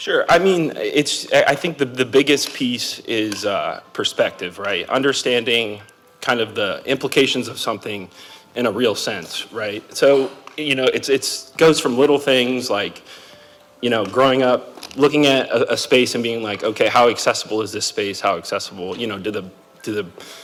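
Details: Adult man speaking; typical speech.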